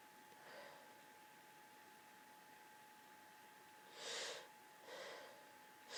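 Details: Girl lying in bed surrounded by tissues, sneezing repeatedly: three quiet, breathy sneeze bursts over a faint steady hum; repeated sneezing.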